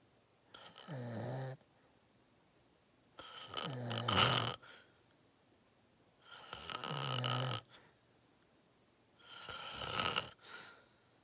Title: Watch me sleep #53: Long Nap! 😪😴Loud Thicc Snoring 💤 Lucid REM Sleeping ASMR Very Deep Big Snores